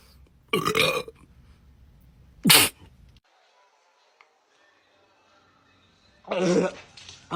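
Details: Burping during a Sprite-drinking challenge, tummy hurting: several loud, drawn-out burps separated by a quiet gap, with faint music in the background.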